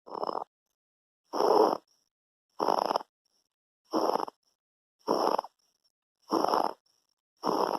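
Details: A 2-month-old baby with laryngomalacia makes rough, snoring-like noisy breaths, about 48 a minute: infant noisy breathing.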